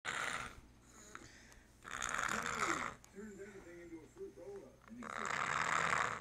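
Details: Snoring with noisy sleep breathing: raspy breaths alternating with short, fluttering, voiced snorts and grunts.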